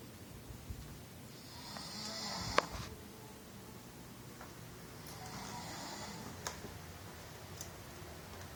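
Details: Adult snoring during sleep: two rasping snores a few seconds apart, each ending in a short snort, in a quiet room.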